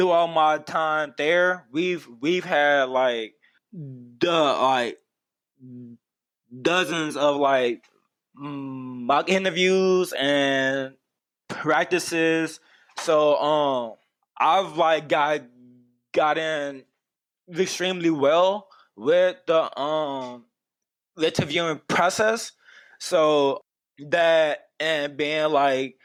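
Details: Adult man who has stuttered for as long as he can remember, with speech therapy from his first school year through his senior year of high school; stuttering.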